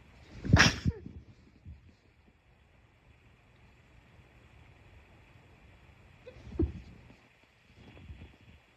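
One sharp sneeze burst, then a softer, muffled second sneeze, with faint background hum; ordinary sneezing.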